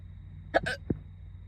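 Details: A short voiced catch and a sharp gulping hiccup over low car noise; hiccups that started while doing makeup in the car before school.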